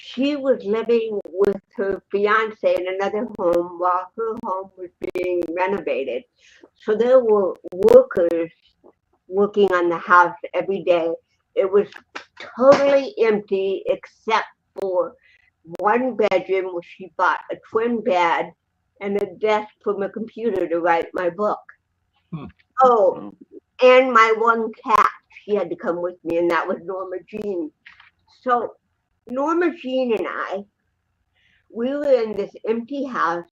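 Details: Adult woman, an actress and comedian, with cerebral palsy since birth in 1956, plus 75% hearing loss and hearing aids, in real unscripted speech: dysarthria (cerebral palsy).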